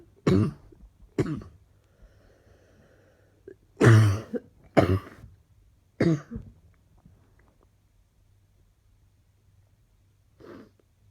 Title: Looking like going to be coughing all day